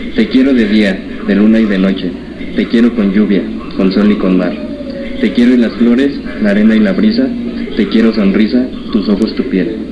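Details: Male patient treated at a clinic since childhood for cleft lip and palate reads a text aloud after repair; normal resonance with no nasal voice at all.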